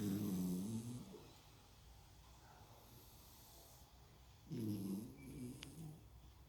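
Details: Two loud, droning, low snores a few seconds apart with quiet breathing between, from a dog sleeping on its back; dog snoring.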